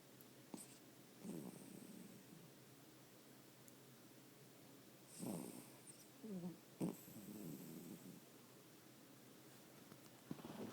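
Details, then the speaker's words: Snoring from a pet dog named Max, described by its owner as tired. "This shit is crazy. My dog snores."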